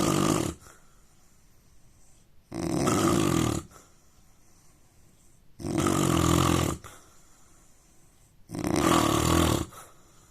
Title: Indian man snoring sound